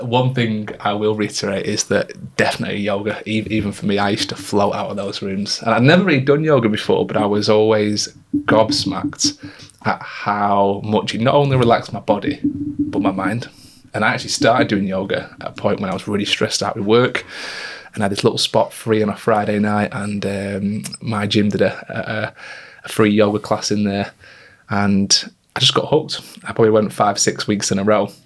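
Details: Adult male speaker; Normal fluent speech.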